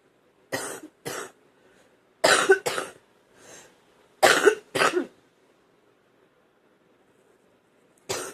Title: Wet phlegmy cough